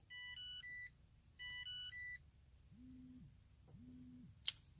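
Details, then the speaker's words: Insulin pump of a woman with type 1 diabetes and dystonia sounding two bursts of loud electronic alert tone sequences, then soft hums and a click. "thank you it's like it competes with me and it wants to be heard like if I turn on the the camera it's like my pump is like please let's not let the attention be focused on you let me beep and be a loud annoying little mm"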